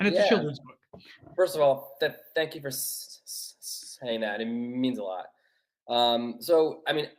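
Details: Adult man who has stuttered since childhood, speaking English; stuttering.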